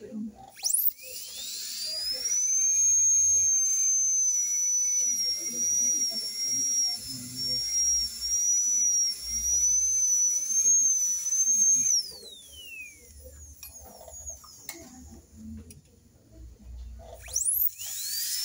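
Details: High-speed dental drill with an extra-fine bur for minimally invasive contact-lens-type veneer preparation, working only cervical and proximal areas: a steady high-pitched whine with soft background noise.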